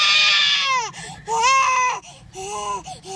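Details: Loud, high-pitched infant crying in bursts with falling wails and brief pauses for breath; an irritated, sleepy baby, being urged on camera to cry louder; ordinary fussy, tired cry.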